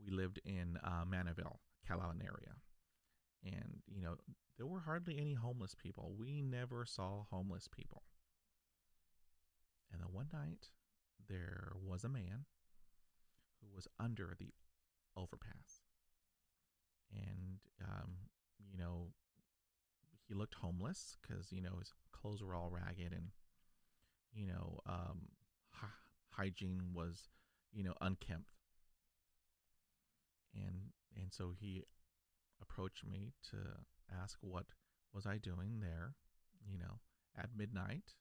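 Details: Stuttering, including blocks, in an adult man who has stuttered since age five after a dog attack and still stutters despite years of speech therapy; spontaneous speech.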